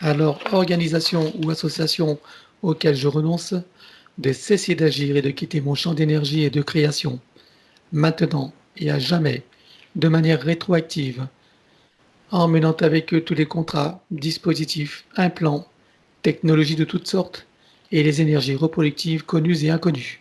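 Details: Adult male speaker; normal speech.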